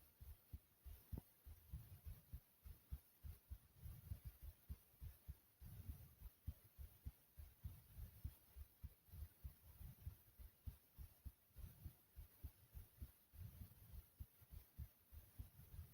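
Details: Regular low thuds of a heartbeat, about 100 beats a minute, with a faint steady hiss in the background; pumping heartbeat sound.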